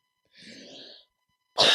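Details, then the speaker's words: Podcast host says she is wheezing and has to cough, then coughs. "I have to cough I'm wheezing and I'm afraid you can hear"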